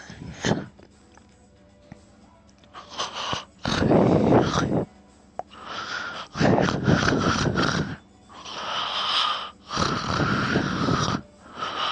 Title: I snore around 1 minute and I love it